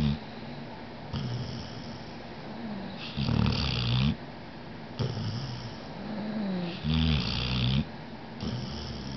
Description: This is only HALF of the snoring symphony that I usually get to hear! :)